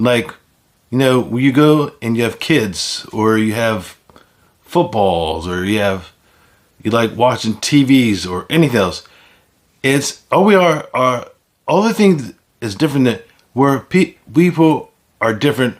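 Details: Man with aphasia following a stroke; aphasia.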